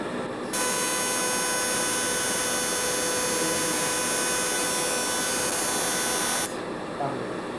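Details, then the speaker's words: Patient on the table during laser vision correction, second stage with corneal flap lifted: steady rapid buzzing of fast pulses for about six seconds, then stopping; excimer laser reshaping the cornea. "i zakończyliśmy drugi etap zabiegu polegający na laserowej korekcji wady przy użyciu lasera i nerwowego"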